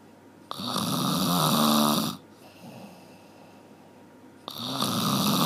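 Two loud, harsh, rattling snores on the in-breath, about four seconds apart, with quiet out-breaths between; ordinary loud snoring.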